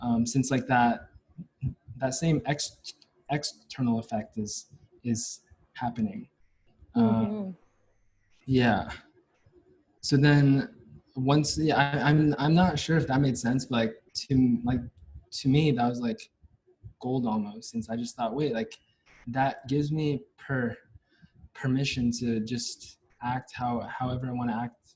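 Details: Stuttering in a young adult male university senior, onset at about age five or six, with blocks; his biological father and maternal grandfather also stutter.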